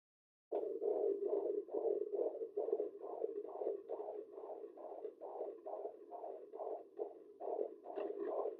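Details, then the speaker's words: Fetal heartbeat at 24 weeks of pregnancy on a home Doppler, found after moving the probe lower: fast, even whooshing pulses measuring about 145–150 beats a minute; a normal fetal heartbeat. "hi guys it's baby and welcome back to my channel today we are going to be listening to baby's heartbeat at 24 weeks"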